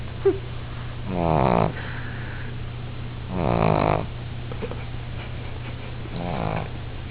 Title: Lulu Snoring